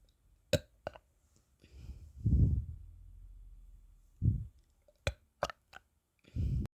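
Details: Two low, rumbling burps from a person who can't stop burping, with faint clicks and mouth sounds between them in a quiet room.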